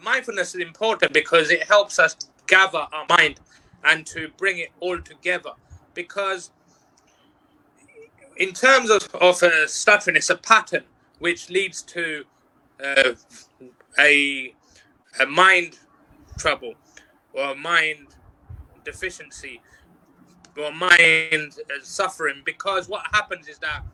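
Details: Adult professional who stutters and has found it very difficult at work but reports overcoming much of it through working on himself; stuttering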